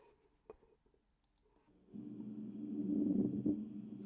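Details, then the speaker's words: Pleural friction rub played as a chest-exam teaching sound: coarse, low grating rubbing noise over the chest after a quiet start. "of rubbing friction like noise [Music] so that is a plural rap"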